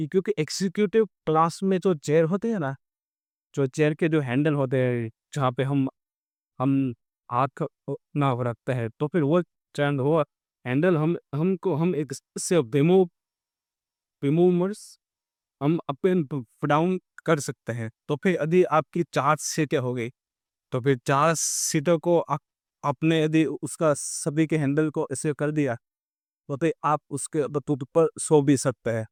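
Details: Stuttering in an adult male on day 27 of a stammering-control programme, using pausing and pacing techniques; background-noise removal applied to the recording altered his voice.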